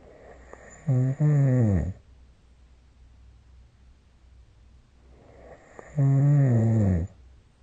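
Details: Snoring recorded during sleep with the SnoreLab app: two deep, rumbling snores on breathing in, about five seconds apart, with quiet between.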